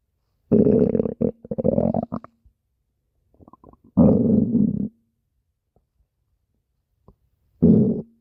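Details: Loud, bubbly, low-pitched gurgling rumbles in three main bursts with softer gurgles between them: stomach growling (borborygmi).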